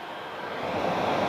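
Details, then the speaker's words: Lowenstein Medical CPAP machine issued by the hospital for sleep apnea, after a month of use, with no mask on; a steady rushing hiss of airflow that grows louder over about a second as it starts up. "hear that it's not that noisy when when it settles down I think the soft starts see it even tells you when you haven't got your mask on"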